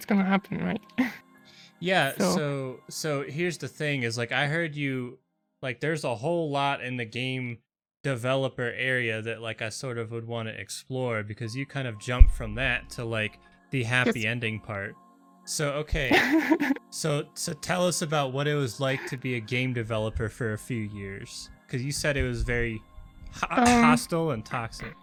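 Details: Adult man, interviewer; normal voice.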